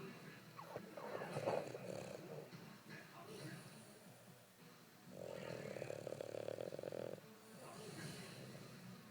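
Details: Boston terrier snoring and twitching while asleep: soft, uneven snoring breaths with snuffles, one longer buzzing snore in the middle.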